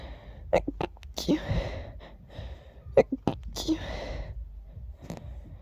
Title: Woke up sneezing 🤧